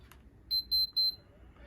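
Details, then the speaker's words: Three short, high-pitched electronic beeps in quick succession as an Infinity enteral feeding pump is set to run. "I'm gonna hit run"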